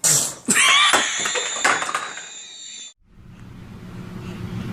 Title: Aaah chuu! Funny baby sneeze. Funny kids videos.